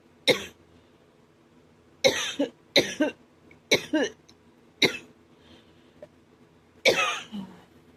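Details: Dry, forceful cough in a person who reports it hurts their chest and throat: six sharp, harsh coughs in about eight seconds, several doubled, with quiet pauses between.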